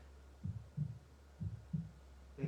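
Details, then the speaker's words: Background heartbeat played during a guided meditation: steady paired low thumps, about 90 beats a minute, over a faint hum; a regular heartbeat. "and you may note the sound of the heartbeat in the background so with your next breath in you may want to bring one or two hands to your chest to your heartbeat be aware of your own beating heart"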